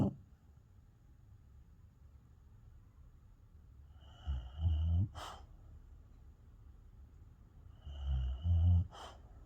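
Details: Two low rumbling in-breath snores, each ending in a short snort, in a quiet room, from a sleeping female beagle; snoring.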